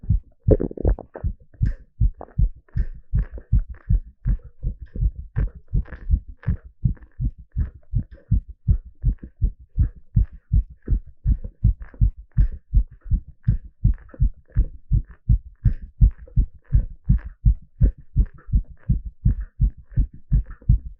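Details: Normal heart sounds during an ECG exercise stress test: fast, strong, evenly spaced beats at about 160 per minute, a normal rapid rhythm under exercise.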